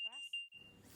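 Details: Trilogy 202 ventilator switching on in non-invasive CPAP/BiPAP setup with a passive circuit: a short high-pitched electronic beep and tone, then airflow immediately starts blowing, resuming the last settings.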